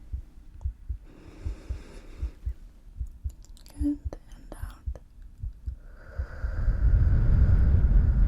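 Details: Simulated ASMR roleplay exam of an anxious patient before laparoscopic surgery: steady, regular heartbeat thumps, about 120 a minute, heard via chest listening, with soft whispering and then a rising deep breath on request; normal heartbeat.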